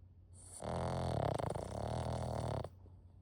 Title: Pixl in a deep snore sesh #dog #puppy #doglife